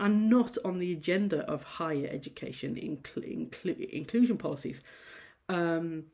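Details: Adult female university lecturer who stammers, giving a presentation, with sound repetitions and prolongations; stammering.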